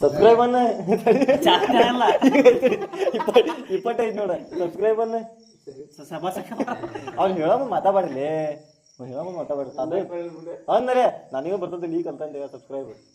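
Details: Kannada speaker presented as a friend who stutters; repeated part-words while attempting a word; stuttering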